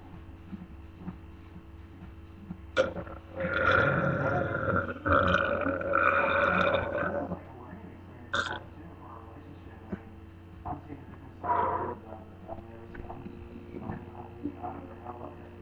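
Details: Really long burps: two long, drawn-out, rumbling belches, then several shorter ones, over low room hum.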